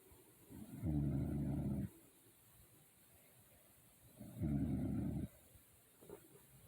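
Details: Sleeping parent recorded by their daughter: two long, low rattling snores about three seconds apart, with quiet pauses between; ordinary sleep snoring.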